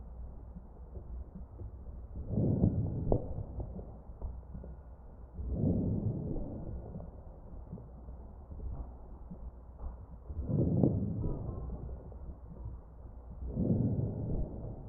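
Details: Crackles in chest auscultation of a real ventilated patient.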